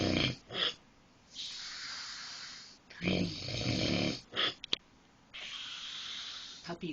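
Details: Husband snoring during sleep: repeated rough, noisy breaths with a snoring rattle, alternating in and out over several seconds.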